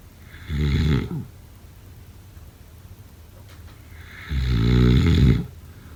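Two loud, low, rattling snores separated by quiet pauses; typical snoring.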